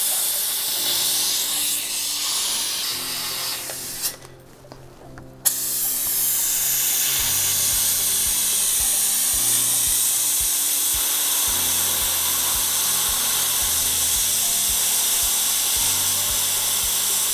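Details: Continuous high-pitched whine of a dental handpiece with a brief pause, as an occlusal finishing bur shapes and finishes a new composite filling on tooth #14 in a 39-year-old patient, before the rubber dam is removed.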